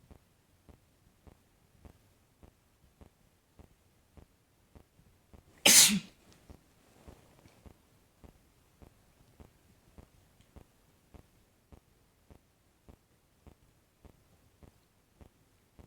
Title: Boyfriend sneezes again (m)